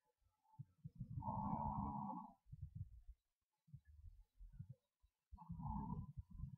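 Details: Snoring during sleep: low, rough rumbling bursts during sleep breathing, one long and one shorter, separated by quieter breaths.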